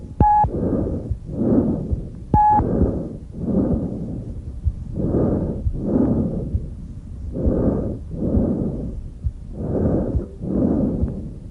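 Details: Normal tracheal breath sounds auscultated over the extrathoracic trachea: five cycles, very loud, high-pitched, harsh and hollow, expiratory phase slightly longer than inspiratory.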